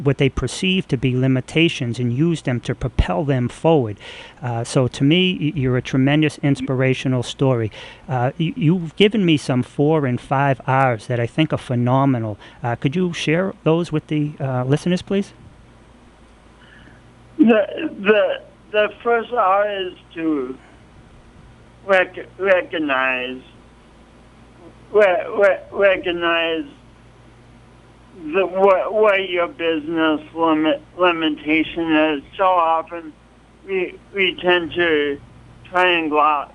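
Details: Speech impediment in an adult man, present since an early, traumatic birth with loss of oxygen, along with coordination awkwardness; the impediment is audible to listeners.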